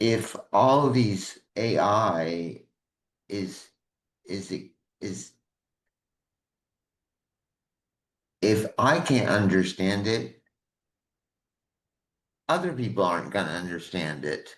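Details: Adult man with aphasia from a stroke 21 years ago: at first unable to speak, then one word for a year, gradually more, with some lasting difficulty; aphasia.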